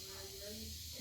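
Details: Training demonstration of tracheal suctioning through a tracheostomy on a training subject, suction set at 140 (range 120–150), with sputum collection in a Lukens trap: steady hissing suction noise with faint low humming; subject coughs.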